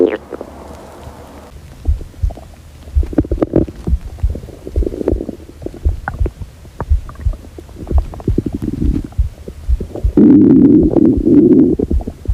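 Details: Hungry girl's stomach growling: repeated gurgling, bubbling rumbles and low groans from the belly, ending in a long, loud growl; hunger borborygmi.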